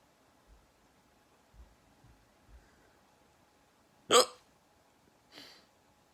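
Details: Soft low gulping catches at irregular intervals, then one sharp loud hic and a weaker one; hiccups.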